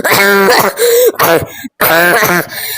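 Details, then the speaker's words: Short coughs and throat clearing interrupting excited laughter and screaming from a gamer celebrating getting a Gorilla Tag item in a small room; the gamer then says they feel like throwing up and wonders if they coughed too much. "I feel like I'm going to throw up. Why am I lagging so hard? Did I cough too much?"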